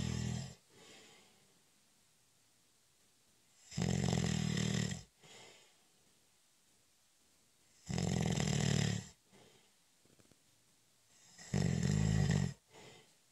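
Loud rattling snores on each breath in, about three in thirteen seconds, with a short soft sound after each; ordinary snoring.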